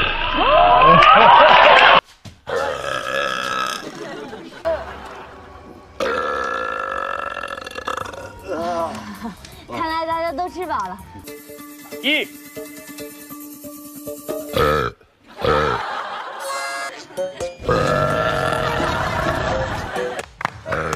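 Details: Chen He deliberately burping: long, loud, croaking belches with talk and laughter around them.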